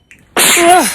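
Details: A sneeze that sounds like a pistol shot.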